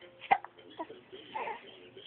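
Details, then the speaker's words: A 10-week-old baby girl's hiccups: one sharp, abrupt hiccup followed by soft infant vocal sounds in a quiet room; she has a rash on her chest. "ed you got the hiccups huh hi I love you"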